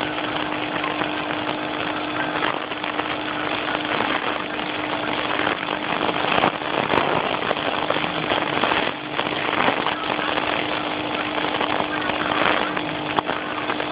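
Loud continuous buzzing motor noise with a steady hum, from a nebulizer compressor running during a cat's treatment.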